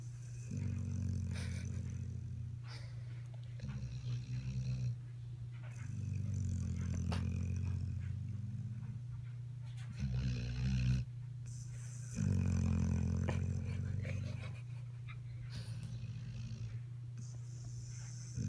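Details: Deep, rumbling, rattling breaths repeating in long cycles over a steady low hum; snoring during sleep.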